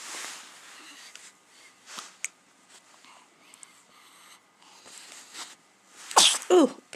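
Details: Someone with hiccups shortly after eating: quiet room with soft breaths, then two sharp bursts close together near the end, a sneeze.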